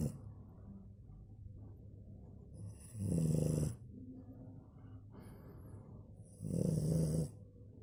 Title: 💜😂French bulldog snores 😂💜